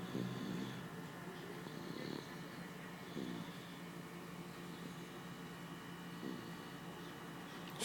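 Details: Soft, low, rumbling snoring recurring every few seconds over a steady background hum.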